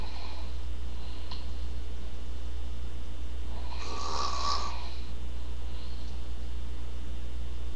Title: sleeping and snoring part 2